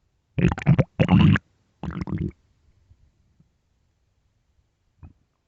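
Loud, low gurgling rumbles in three bursts, then quiet with a faint late gurgle; hunger-related stomach growling, a normal gut sound.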